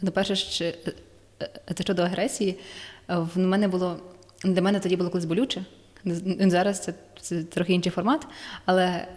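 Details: Ukrainian-speaking woman who stutters; she says her stuttering worsens when nervous and can involve blocks and filler sounds; stuttering.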